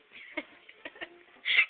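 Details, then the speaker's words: Frog-like hiccups in an adult: three brief, sharp gulping bursts in quick succession, then a louder, croaking one. "like a frog like a chicken chicken don't make sounds like something I don't know what it is"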